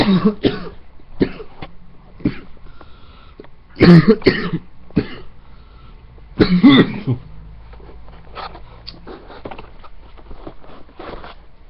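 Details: Person on a webcam recording with a tormenting, persistent cough: repeated harsh coughs in bouts, some with throat clearing, separated by quiet breathing in a small room.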